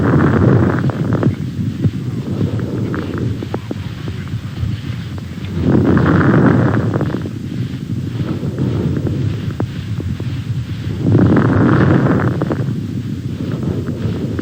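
Slow breathing, about 11 breaths a minute, with brief, fine crackling clicks that cluster in the louder inspiratory phases: fine crackles.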